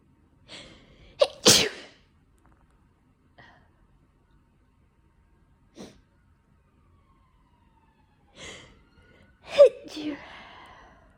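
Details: Winter sneezes, likely from cold weather or indoor heating in someone with slight dust allergy: two sneezes, each with a sharp catch of breath before an explosive burst, separated by quiet breaths.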